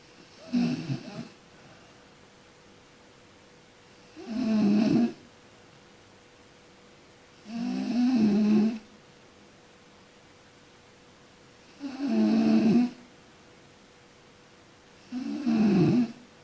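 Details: Person sleeping and snoring: five rattling inhaled snores about every 3-4 seconds, roughly 17 breaths a minute, with a steady faint hum behind.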